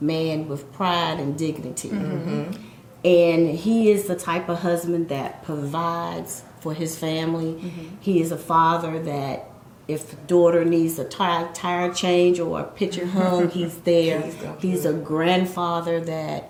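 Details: Adult woman speaking; no disorder.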